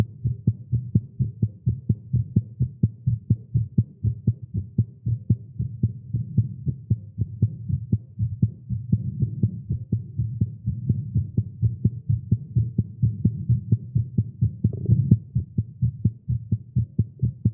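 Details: Male heartbeat after exercise and caffeine: quick pounding beats near 128 a minute, somewhat uneven rhythm; rapid heartbeat, tagged as irregular.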